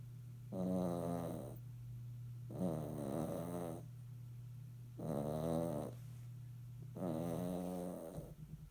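Rhythmic, rattling snores about 30 a minute over a steady low hum. A small dog snoring during sleep.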